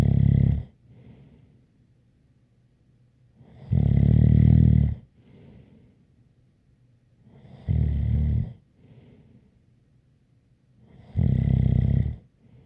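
Deep, rumbling snores about every 3.7 seconds, roughly 16 a minute, with a faint whistling tone and soft out-breaths between.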